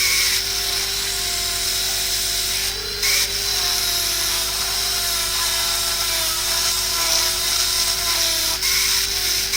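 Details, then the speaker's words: Continuous high-pitched whine of a dental handpiece cutting tooth, with brief pitch changes, while preparing the proximal box of a cavity with tapered, flared walls, in a cavity-preparation exercise. "The walls are tapered. I am preparing the proximal box now."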